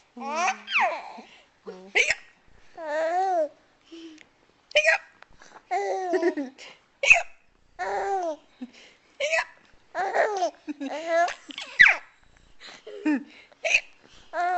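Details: A young child, recorded on a Flip Video camcorder, has short, abrupt, voiced hiccup catches mixed with babbling and giggles; hiccups.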